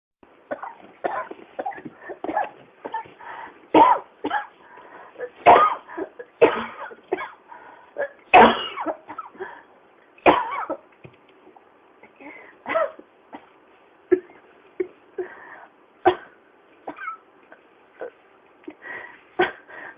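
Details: Persistent cough: an adult coughs again and again in sharp, dry bursts with barely a pause.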